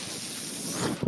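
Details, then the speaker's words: Person's own mechanical ventilator, audible while they speak: a steady, airy hiss as air is pushed in, with a brief soft bump as each breath ends; mechanical ventilator breath cycle. "hello everyone my name is that noise you're hearing is my ventilator and welcome to page-turners"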